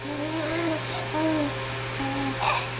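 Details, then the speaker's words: Hiccups in a 6-week-old baby. "Oh, you have the hiccups too. You have the hiccups."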